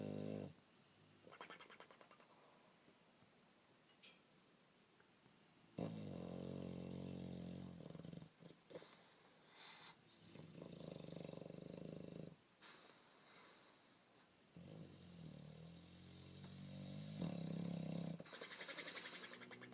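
Loud rumbling snores from a sleeping bulldog, with quieter lip-flapping puffs between them; roughly four breaths heard.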